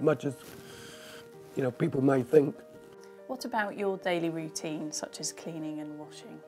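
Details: Adult interviewer; typical speech.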